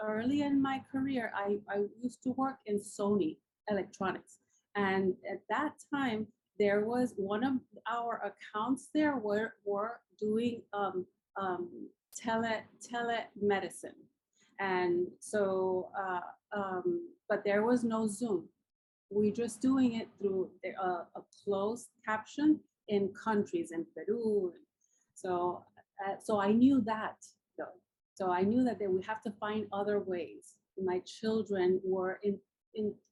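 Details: Woman, formerly speaking seven languages, with aphasia after a massive ischemic and hemorrhagic stroke 10 years ago with coma and locked-in state; still has word-finding difficulty and trouble writing.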